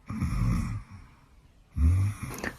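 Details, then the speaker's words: A young man snores all night in bed, repeatedly waking his partner; two loud, low, rattling snores with a quiet pause between them. "小哥，一晚上都在打呼噜，自从睡着之后一直在打呼噜，我已经醒了好几次了。"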